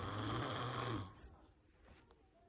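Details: One loud, rough, rattling snore on an in-breath, followed by quiet breathing; snoring.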